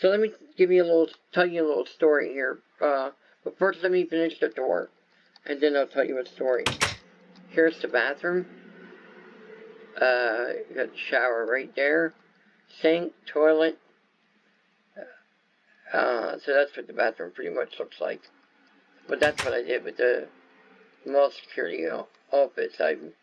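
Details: Adult male whose viral meningitis with very high fever at about six weeks old affected walking, talking, eyesight and hearing; lifelong speech impairment after infant meningitis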